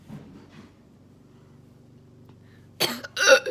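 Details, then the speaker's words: A person with hiccups coughs, and the cough sets off a hiccup: after a quiet stretch, two short, sharp bursts sound as a cough merged with a hiccup. "That wasn't a hiccup, that was a cough. But whenever I cough, it makes you hiccup, so tomato, tomato. Anyway, this is what it sounds like whenever you go and you hiccup at the same time."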